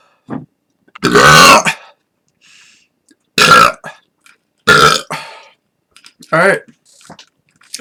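About four loud, drawn-out burps with short pauses and quieter sounds between them, in a quiet room.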